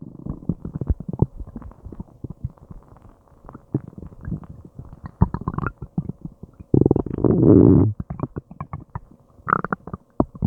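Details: Person's stomach and intestines, after an unknown meal, growling, gurgling and groaning for a long time: frequent gurgling, bubbling rumbles with a long low groan partway through, loud active bowel sounds (borborygmi).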